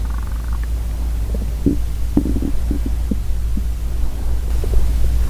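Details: Girl's real hungry stomach growling, recorded ASMR-style without talking: low, irregular gurgles and rumbles over a steady low hum. Normal borborygmi.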